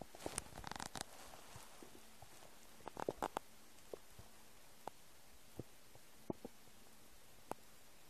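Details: Noises of an empty stomach: soft gurgles and scattered small pops and clicks over quiet background; stomach rumbling (borborygmi).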